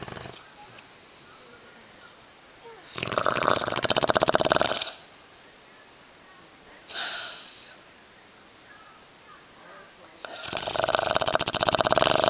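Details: Loud snoring from a sleeping yellow Labrador dog: harsh, long noisy bursts with quiet gaps, rattling on each breath.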